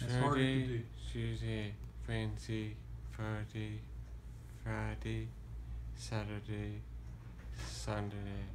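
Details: Real Broca's aphasia patient on clinical examination, naming the days of the week on request; comprehension preserved and commands followed; finding: Broca's aphasia.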